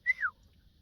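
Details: Woman with Tourette-like tics, recently increased and linked by her to a trauma response, occurring mainly when not fully concentrating; involuntary vocal tic, most commonly "hey".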